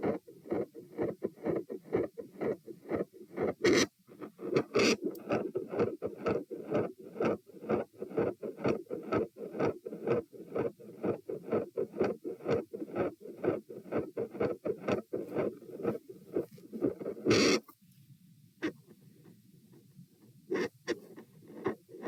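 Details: Stethoscope probe moved through aortic, pulmonary, Erb's, tricuspid, mitral, then aortic areas: steady whooshing murmur between beats, handling noise; continuous murmur focused at aortic area, extra sound near S2 only there; sound drops on sitting (possible PFO, uncertain).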